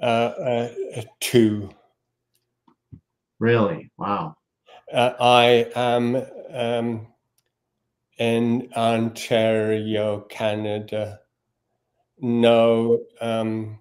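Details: Male guest with aphasia; cause, type and onset not stated; aphasia.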